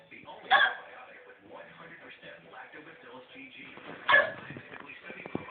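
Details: Two sharp, sudden vocal bursts about three and a half seconds apart over quiet room noise: hiccups.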